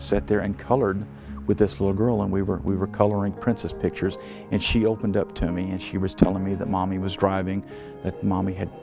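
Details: Adult male speaker; normal speech.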